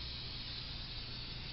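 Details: Open-kit suctioning of a possibly new tracheostomy in a ventilated patient on oxygen who cannot maintain saturation, done one-handed in a teaching demonstration: a brief, steady rushing hiss of suction through the catheter.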